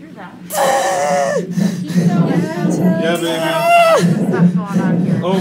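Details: Two loud, drawn-out newborn wails with falling endings over music and adult voices, just after birth. The baby had the cord once around the neck, came out blue and at first was not crying as strongly as staff wanted.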